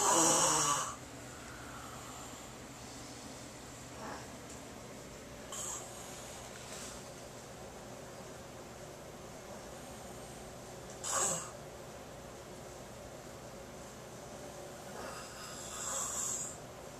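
Rough, rattling snores recur every few seconds over steady room hum during sleep, typical adult snoring.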